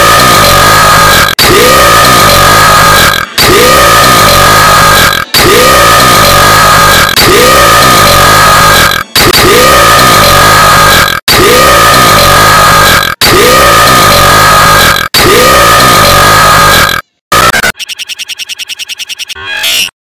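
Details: Edited crossover clip of a pig burp: a loud, distorted burp-like sound repeated nine times in an identical loop, then a short buzzy tone.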